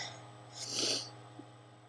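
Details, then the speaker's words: Person with allergies, repeatedly sneezing with burning, itchy eyes: a single breathy, hissing burst over steady room hum, a sneeze. "So I keep sneezing. It's ridiculous. Woo. This is bad. My eyes are all burny and itchy and gross, stupid allergies."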